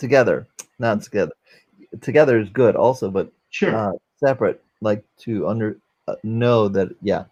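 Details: 44-year-old man, former NYC paramedic, with aphasia from a stroke during heart valve surgery, unable to use one arm; aphasia.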